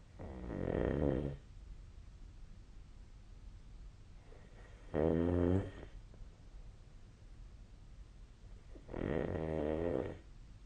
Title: 🐽 本日のイビキ / Snoring Sleep Sound 2025/01/26